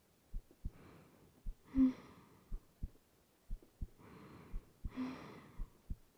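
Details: Woman's heartbeat in an ASMR girlfriend sleep roleplay, with rain in the background: normal heartbeat.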